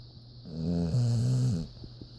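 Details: Otis snoring: a single deep, rumbling snore lasting about a second, followed by a short snort.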